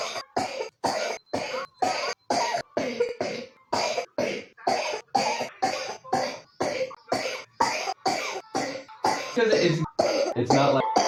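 Around twenty short coughs in quick, rhythmic runs from a young child; the cough of a child with pneumonia.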